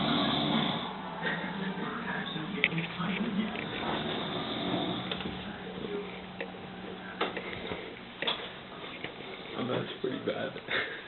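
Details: Adult man (a dad) asleep and snoring loudly with rough breaths while the TV plays in the background.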